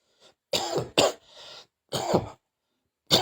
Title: batuk batuk